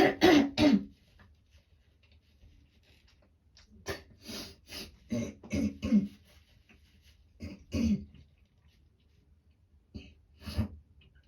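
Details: Short, mild throat-clearing coughs in separate bursts, a light dry cough at the start of a cold with a sore throat, recorded two days before the cough worsened.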